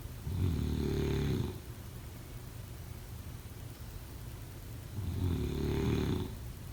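Two long, low rattling snores about four seconds apart, each on an in-breath, with quiet breathing between.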